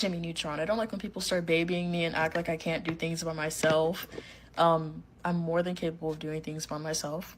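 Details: Young woman with Tourette syndrome whose tics include hitting herself and sporadic words, and whose tics wax and wane; vocal tic (Tourette syndrome).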